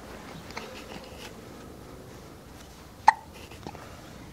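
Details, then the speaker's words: Hiccups: a single sharp, brief hiccup over quiet room noise, with a fainter second one shortly after. "do you have the hiccups do you have the hiccups you do have the hiccups don't you that's how the hiccups go"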